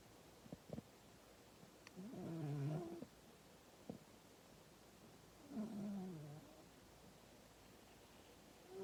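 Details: Female cat asleep, snoring loudly enough to wake her owner: soft, low rumbling snores, about two breaths heard, with quiet background hiss.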